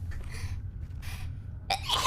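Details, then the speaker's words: Quick breathy intakes, then a sudden, very fast sneeze burst from a streamer during a live stream; an ordinary brief sneeze. "guys that sneeze wow so fast"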